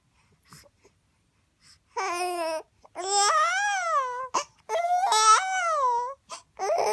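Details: 4-month-old sick infant boy crying in loud bursts with rising and falling pitch and short pauses while his father imitates his sneezing sound; infant cry.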